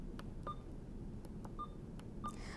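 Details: About six short soft electronic keypad beeps on an IV infusion pump while programming the secondary piggyback line (rate 200, volume to be infused 100 ml) in a nursing skills demonstration of primary and secondary line setup.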